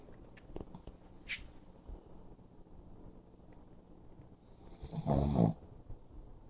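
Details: Pug lying down with eyes open: soft faint breathing noises, then one loud, rough, rattling snort-snore near the end. Snoring.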